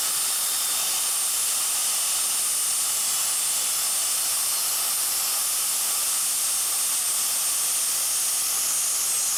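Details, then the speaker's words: Steady high-pitched hiss and whine of a high-speed dental drill with water spray, cutting to amputate the distobuccal root of a maxillary first molar with periodontal alveolar bone loss; the other roots were endodontically treated. "We now begin by making the cut for the root resection."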